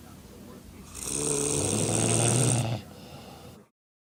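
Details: Four women snoring after drinking, in a hotel room: one long, loud, rattling snore on an in-breath, with quieter breathing before and after.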